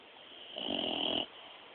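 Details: Sleeping dog snoring, recorded on a mobile phone: a single rattling, wheezy snore lasting about half a second.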